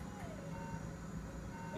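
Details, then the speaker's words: Real patient, awake, during a lumbar facet joint nerve (medial branch) radiofrequency ablation: a steady mid-pitched electronic tone over a low hum as the generator pulses to stimulate, checking nothing goes down the leg; radiofrequency generator stimulation tone. "now we're going to pulse make sure nothing goes down the leg here we"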